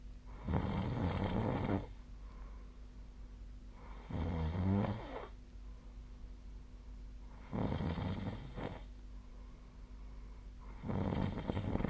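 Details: Snoring during sleep: regular low, rumbling snores on each breath, about 16 a minute, with steady room hum between.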